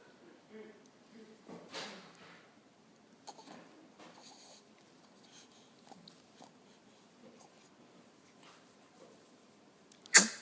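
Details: Infant aged 3 weeks and 2 days, relaxing with his father: quiet room sounds followed by one abrupt, loud burst at the end, a single sneeze.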